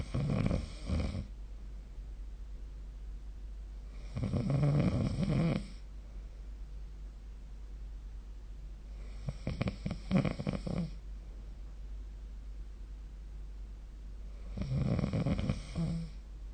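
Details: Four loud rasping snores on breaths in, about every five seconds (roughly 14 a minute), with quiet room noise between, recorded with the SnoreLab app: snoring.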